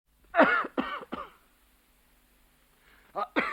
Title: A man coughing and spitting